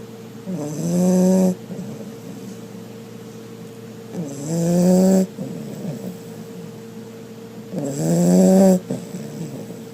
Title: Pit Bull Snores Really Loud